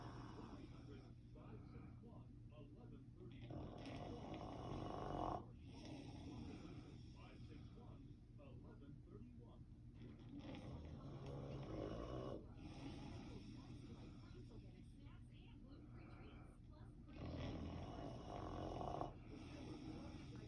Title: He sleeps with one eye open and snores!!😂😂